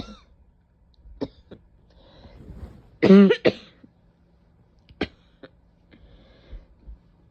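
One loud harsh barking cough with a brief second burst, plus a few smaller throat sounds in a quiet room.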